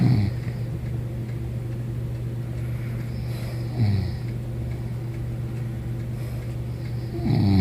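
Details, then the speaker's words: Adult woman snoring while asleep: deep, low rumbling snores, about 16 a minute, with steady low room hum between them. "Yeah, you snoring. Yeah, you was snoring, and I'm gonna show it to everybody."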